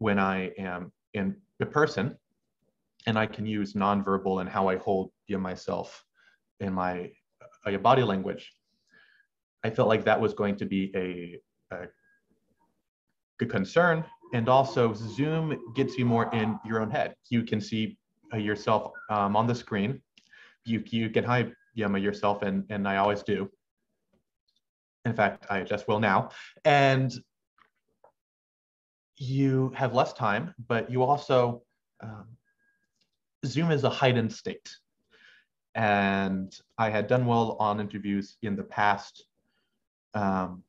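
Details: Stuttering since about age six in an adult male medical student, with pauses he cannot control, partly masked by subconscious strategies to make them sound deliberate, and a halting cadence.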